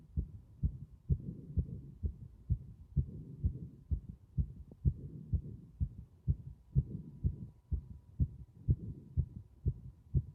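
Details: Regular heartbeat with soft rushing breath sounds swelling and fading between beats; heart sounds with prominent breath sounds.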